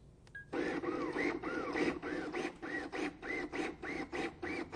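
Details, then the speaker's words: LUCAS 2 mechanical chest compression device in continuous compression mode, shown in an in-service training demonstration: rhythmic mechanical pumping with whirring at about 100 compressions a minute, after the suction cup start position is set. "use the pause button to set the start position for the suction cup press the active button for continuous compressions"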